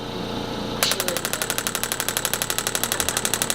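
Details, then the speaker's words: Radial shockwave therapy device at one bar pressure, 2,000 pulses standard, on a woman after total hip replacement: rapid, regular sharp tapping pulses, about four a second. "We'll start you up at one bar. Okay. Kind of sounds like this. Let me hit play. That's what it sounds like."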